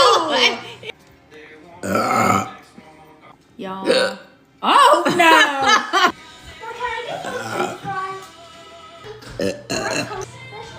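Several long, loud, voiced belches with a rough, gurgling tone, separated by pauses; ordinary burping, with background talk and music.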